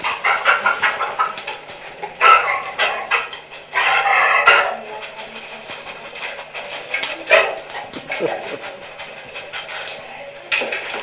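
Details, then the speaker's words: Excited Labrador sniffing for treats, with harsh, raspy noisy breathing on both inspiration and expiration: inspiratory and expiratory stridor from laryngeal paralysis. "now this dog has both inspiratory and expiratory strider and it's a labrador"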